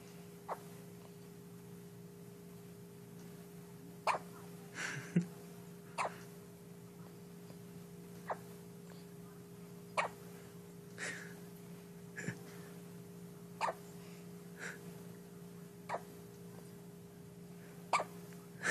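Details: First bout of hiccups in a male who seems quite aware of his surroundings: about a dozen short, sharp hiccups at irregular intervals over a steady background hum; hiccups.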